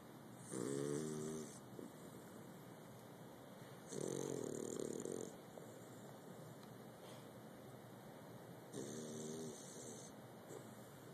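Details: Bulldog snoring in sleep: three loud, rattling, tonal snores about four seconds apart over a steady low hiss; flat-faced dog snoring.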